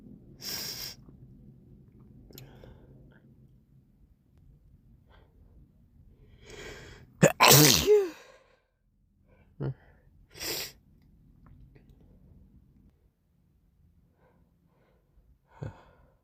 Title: Morning Sneezes & Snotty Nose Sounds~